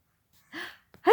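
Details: Adult woman (mother) sneezing repeatedly while her 3-month-old baby laughs: a short sharp inhaled gasp, then the onset of a forceful sneeze burst.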